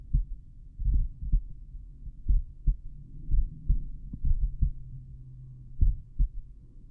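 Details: Self-recorded stethoscope heartbeat at the mitral area while lying on the back, played back slowed down: heart sounds.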